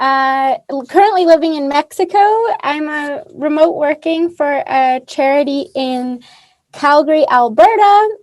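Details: Adult woman speaking; typical speech.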